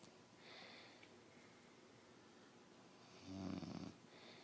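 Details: Adult man (fiancé, who claims he doesn't snore) asleep: a faint breathy intake followed by a louder rattling snore in a quiet room: ordinary snoring.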